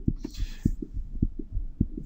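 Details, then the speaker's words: Teaching example from a bicuspid aortic valve lesson, contrasted with aortic stenosis: regular paired lub-dub heartbeats, about 100 a minute, clean first and second heart sounds, no murmur; normal S1 and S2. "this is a normal first and second heart sound as opposed to someone who has aortic stenosis"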